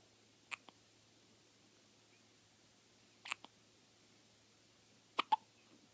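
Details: Three soft, sharp hiccups spaced a few seconds apart from a baby girl just before sleep, against quiet room hum; ordinary infant hiccups.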